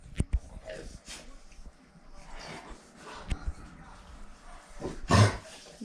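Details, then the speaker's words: Large dog whose owner suspects kennel cough (infectious canine cough), possibly picked up at the dog park, gives a sudden harsh, snorting hack; owner notes such coughs can sound like choking and bring up white phlegm. "did you pick up kennel cough you know what's gonna happen rocky's gonna get it who's talking about that at the dog park too that's kennel cough"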